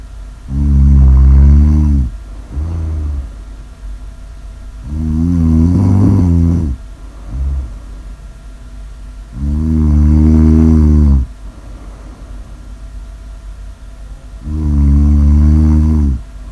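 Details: Deep, loud, droning snores with a lower grunt between them, roughly 13 breaths a minute; heavy snoring.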